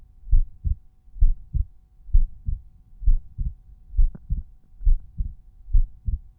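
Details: Resting heartbeat recorded at one of several chest auscultation points (Erb's point, tricuspid, mitral, pulmonary, aortic), volume normalized per point; normal heart sounds.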